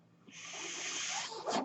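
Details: Noise from the speaker's own mechanical ventilator, heard in the background of his podcast.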